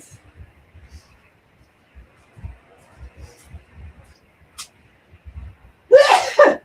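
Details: A single loud two-part sneeze at the end of a recording made while relaxing outdoors in a backyard, after soft thumps in a quiet outdoor background.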